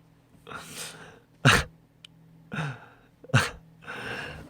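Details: Young male singer sneezes twice, each a quick breathy intake then a sharp explosive burst, over a faint steady hum.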